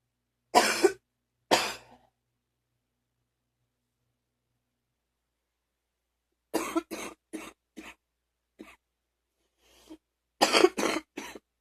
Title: # 61 morning phlegmy cough...again